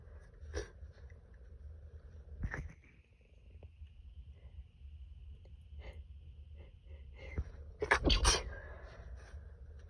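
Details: Stifled sneezes attributed to allergy: two or three muffled sneezes over quiet room noise, with a faint steady tone in the background.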